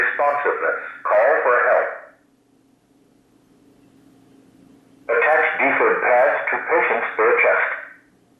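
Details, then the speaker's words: Recorded voice prompts from a church's new automated external defibrillator with adult pads in a demonstration: two spoken phrases, such as attach defib pads to patient, with a pause between, over faint room hum. "so after you attach the pads the ad would analyze the patient's heart rhythm and if a shock was called for it would tell you to shock and the shock button"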